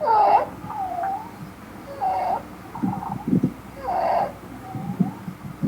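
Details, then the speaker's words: Stridor played as a teaching example: a harsh, high-pitched, musical noise with each breath in, about 30 breaths a minute, a sign of airway obstruction from a narrowed airway. "So stridor means noisy breathing, causes airway obstruction, and the stridor is of three types."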